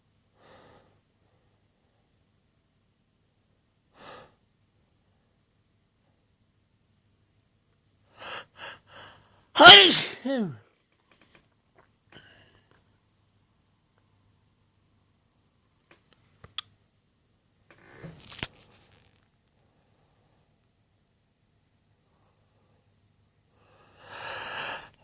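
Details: Adult male's induced sneeze: quick breathy catch breaths build into one loud, forceful voiced sneeze, followed by quiet breathing.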